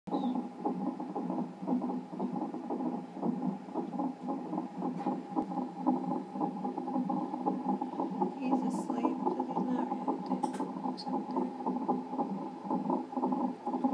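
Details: Fetal heartbeat on a Doppler monitor during a non-stress test at 40 weeks of pregnancy with polyhydramnios, reactive reading: rapid whooshing pulses, about 115–130 a minute.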